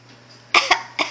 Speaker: you oh you're so sick that sounds awful it's just terrible silly